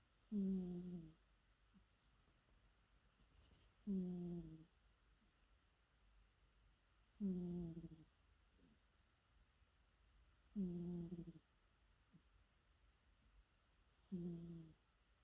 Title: Cat Snoring